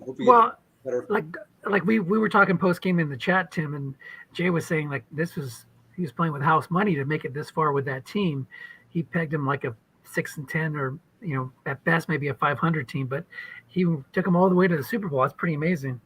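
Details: Adult man speaking; typical voice.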